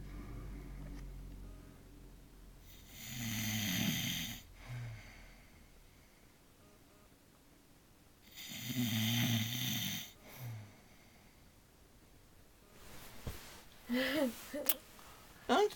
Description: my grandma snores really loud and she doesnt believe me!!!